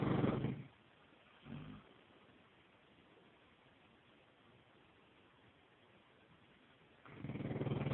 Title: Dog snoring Neapolitan Mastiff